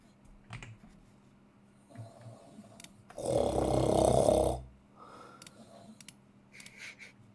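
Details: A single loud, rough, rattling snore from a sleeping adult man (a friend's father), in a quiet room with faint keyboard clicking; snoring.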